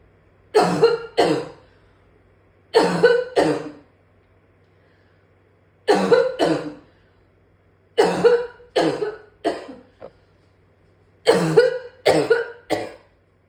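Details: Repeated harsh coughs in quick clusters of two to four, about thirteen in all, a coughing fit so bad it ended in vomiting.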